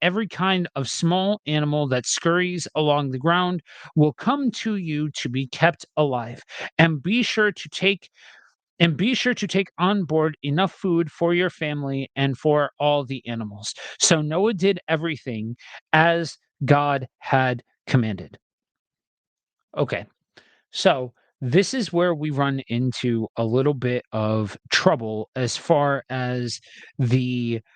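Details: Adult man with a self-described speech impediment, reading scripture aloud: stuttering.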